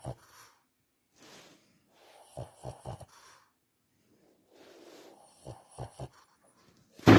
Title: Sounds like snoring but he is awake/ Breathing Issues /11 year old Shih Tzu